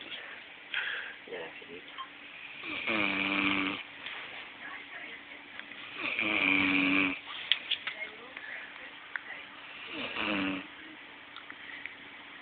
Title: SNORING LIKE MICHAEL JACKSON